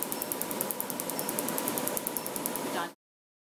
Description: In this video a client is having their first laser tattoo removal procedure at one of our tattoo removal clincs.